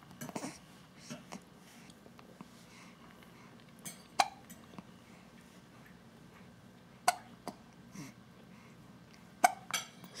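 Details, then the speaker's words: Hiccups in a baby girl, hiccuping like crazy with gas passing: short abrupt hiccups every two to three seconds, roughly 25 a minute, over quiet room noise. "there she is Daddy's princess hiccuping like crazy and farting"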